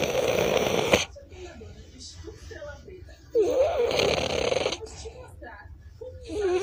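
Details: French Bulldog snoring: loud, rough snorting snores with wheezy, whistling edges, separated by quieter breaths, typical of a flat-faced dog.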